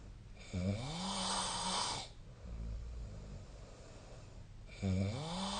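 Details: Sleep recording dated 2025/05/07 of a person's snoring, shared with a link to the SnoreLab snoring app: snoring.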